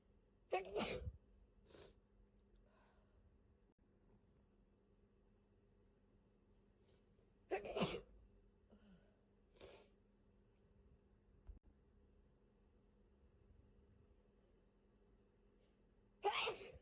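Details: Adult sick with COVID, flu-like illness, gives three loud sneezes several seconds apart, each a sharp explosive burst, with faint breaths between in a quiet room; sneezing.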